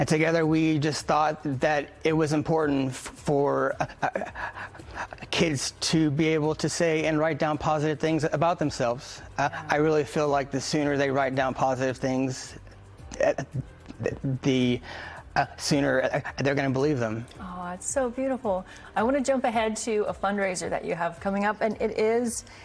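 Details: Adult man who stutters, founder of a stuttering nonprofit, who reports getting stuck on certain letters and sounds, especially hello on the phone; stuttering.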